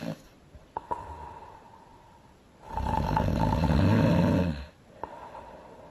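A single loud, rumbling snore, exaggerated for a cartoon, between quieter stretches with faint clicks.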